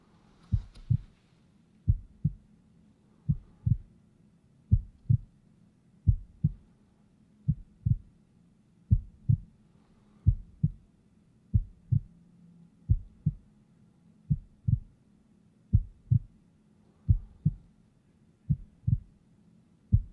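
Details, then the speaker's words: Simulated head-to-toe physical exam (ASMR role-play) with a stethoscope, patient breathing quietly: clear, regular lub-dub heart sounds at about 43 a minute, with no extra sounds; normal heart sounds. "you know as we expect everything sounds entirely normal and i'm going to let you take a listen as well"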